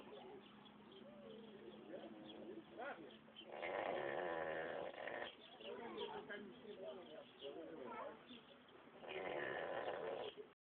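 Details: Pig at a roadside petrol-station mini-zoo snoring: two long, loud rattling snores about five seconds apart, with softer grunting breaths between.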